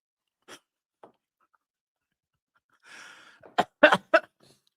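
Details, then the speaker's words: Adult with a persistent dry cough, using a cough drop: two faint early sounds, a breathy throat noise, then three sharp, short coughs in quick succession in a small room; dry cough. "I'm sorry, guys. I still have this stupid dry cough."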